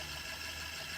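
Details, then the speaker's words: Syringe driver (T34L syringe pump) motor arming during preloading after switch-on: the plunger carriage moves forward and back to its original position; quiet, steady low motor hum with faint hiss. "pompe s'arme. Elle note preloading, c'est-à-dire que le curseur fait un aller-retour et revient à l'endroit où il était précédemment."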